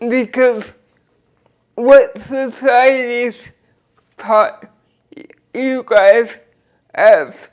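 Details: Dysarthria in a 46-year-old woman with cerebral palsy since birth who uses a wheelchair; she describes her speech as slurred but says her comprehension is intact.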